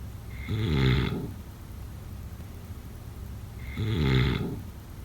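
Two deep, rattling snores on in-breaths about three seconds apart, with quiet breathing between; ordinary snoring during sleep.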